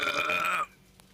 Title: sorry bout my burps 💀